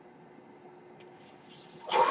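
A low steady hum, then a rising hiss of air that swells into a louder rush: a home ventilator delivering a breath.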